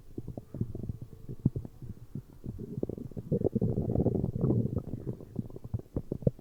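Continuous gurgling, bubbling rumbles with irregular pops and squeaks; normal stomach growling from gas and fluid moving through the gut.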